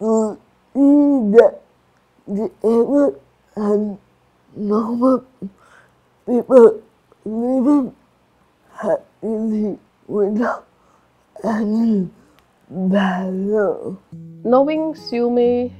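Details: Adult woman with cerebral palsy, with slurred speech and restricted movements; dysarthria (cerebral palsy).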